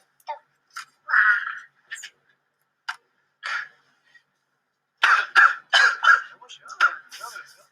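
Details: Uncovered cough, a clip from the 2013 film Flu (감기).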